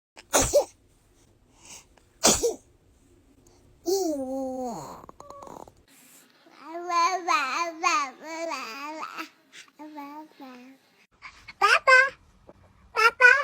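Several short, sharp sneeze bursts from a baby, with soft babbling and fussing sounds in between.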